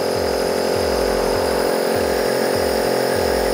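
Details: Elvasense NEB39 dual-speed air compressor nebulizer running after being turned from maximum to a lower setting with reduced air output: steady loud motor hum pulsing about three times a second.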